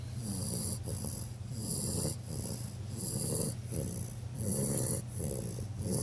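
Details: 11-week-old bulldog puppy, eyes open and not actually asleep, with loud, rough, snorting rattle on every breath, about 40 breaths a minute: noisy snore-like breathing.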